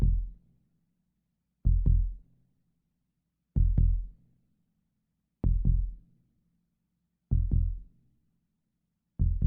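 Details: Normal human heartbeat sound effect: steady paired low lub-dub thumps at about 32 beats a minute, with a faint hum between beats.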